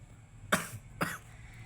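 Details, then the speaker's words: Adult coughing for a week after a fever resolved, with an itchy, sore throat and blood when spitting: two sharp, harsh coughs about half a second apart in a quiet room. "Guys, ag umubo wala ano na dumuduko. Pag dumura ako dumugo kasi parang nafeel ko dito merong sugat nasa tigas ng ubo."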